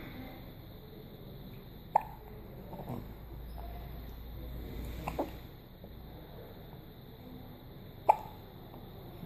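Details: Newborn just hours after birth: two sharp, brief catches about six seconds apart over quiet room noise; newborn hiccups.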